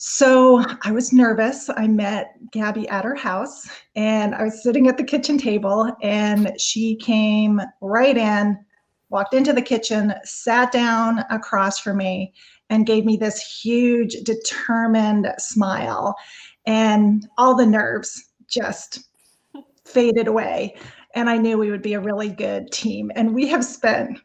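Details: Adult woman speaking; normal fluent speech.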